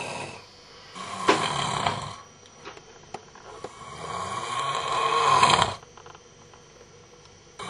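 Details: Loud, rough, rattling snores with uneven breaths between, from a man asleep in a small quiet room, recorded by a companion his snoring kept awake all night; heavy snoring.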